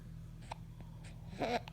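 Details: Hiccups in an infant aged 2 months 3 weeks: brief, abrupt catching sounds over a low, steady room hum.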